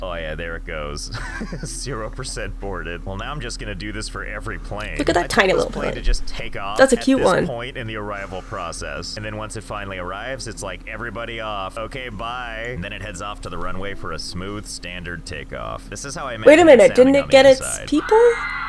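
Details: Adult narrator; no disorder.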